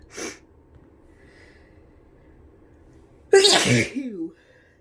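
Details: Soft sniff, then a loud explosive sneeze with a brief voiced trail-off, from a person with flu and a runny nose: a single sneeze.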